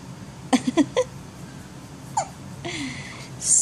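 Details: 16-day-old boy: four quick, sharp gasping hiccups within half a second, then a soft whimper; infant hiccups.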